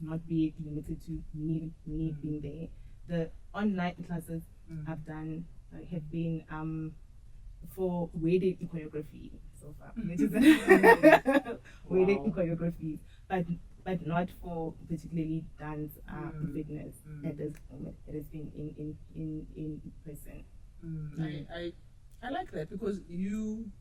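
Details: Woman who says she has stuttered and struggled with it since school; her stuttering is noticeable in her interview speech; stuttering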